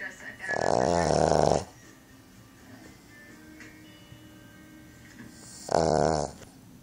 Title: Boston terrier/pug snoring